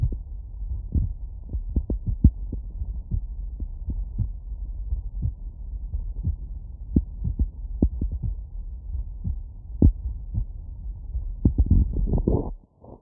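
Soft, low thumping heartbeats through a stethoscope over a steady low hum, with rustling near the end.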